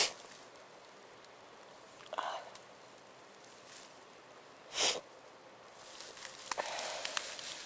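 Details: A person who sneezes often from allergies such as flowers, dust or plants, with an itchy mouth; faint room noise with a short burst near the middle and a softer one earlier, consistent with a sneeze.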